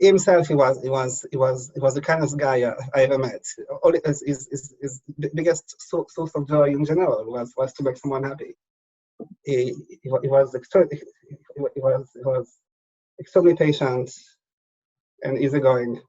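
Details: Stuttering in an adult man who has stuttered since childhood; he says it is worse when he is tired at the end of the day.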